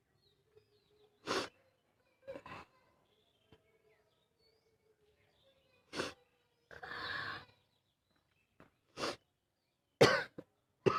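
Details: Female with a barking cough.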